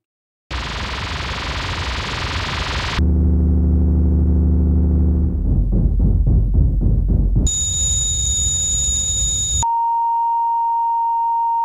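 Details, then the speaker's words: Simulated tinnitus heard in a tinnitus awareness documentary: a sequence of hiss, low hum, pulsing and steady high ringing tones imitating the ringing in the ears that can follow a night out or a gig. "Most of us have had it. It's that annoying ringing in your ears you get after a night out or a gig."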